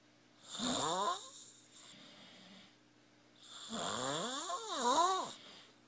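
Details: Snoring: two long, rising and falling snoring breaths with a buzzing, whistling quality, separated by a quiet pause.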